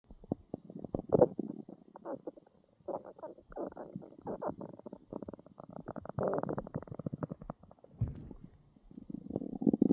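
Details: Loud stomach growling from hunger after a long day, recorded while lying in bed waiting for a meal. Long, gurgling, bubbling rumbles with rapid crackly pulses rise and fall over ten seconds.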